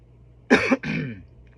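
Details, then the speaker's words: Two quick cough bursts from an adult, the first sharp and the second longer and softer; the person has been sick for the past couple of days, sinuses now better, still coughing, and smokes; cough. "pardon me. I've been sick the past couple. So, I might cough a little bit and I might sniffle a little bit, but so far so today my my sinuses feel better."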